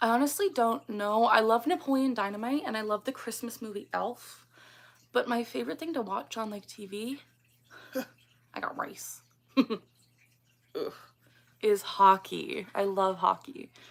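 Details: Vocal tics of Tourette syndrome in a 24-year-old woman diagnosed at age 12; the phrase tic "I got rice" bursts out mid-sentence during conversational speech.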